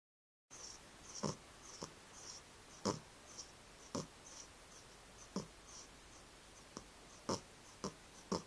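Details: 11-month-old cat curled up asleep in owner's arms: soft, quiet snuffling breaths with faint whistly snores and brief nasal snorts every second or so; snoring.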